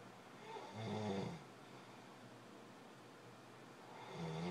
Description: This is for those people that say my husband's snoring can't be that bad that it keeps me up at night. Wanna bet!?